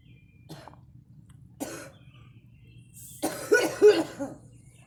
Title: me coughing